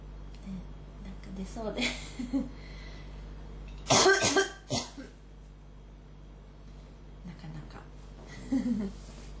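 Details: Cluster of several sharp coughs with throat clearing between quieter breaths in a small room, recorded for ASMR; the speaker says it is hitting the throat hard; repeated coughing.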